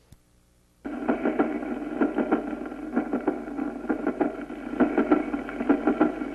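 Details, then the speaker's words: Paradoxical splitting of the second heart sound in aortic stenosis, where prolonged aortic closure makes pulmonary close before aortic: heart sounds at about 65 a minute, with the second sound splitting on expiration. "aquí lo vemos en una estenosis aórtica en que se prolonga el cierre aórtico por lo que se produce una inversión en el cierre primero el pulmonar y después el aórtico escuchémoslo"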